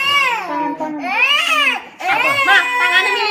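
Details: Loud, strained crying in rising and falling wails with brief breath catches from a baby with two days of productive cough, held during eucalyptus-oil steam inhalation; infant crying.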